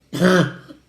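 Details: A single brief, dry, honking, throat-clearing cough from a child with a five-year chronic cough, consistent with habit cough.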